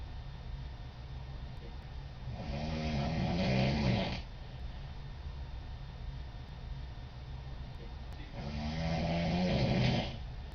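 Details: Girl asleep at night, snoring: two loud, low, rattling snores about six seconds apart over steady room hum; ordinary snoring.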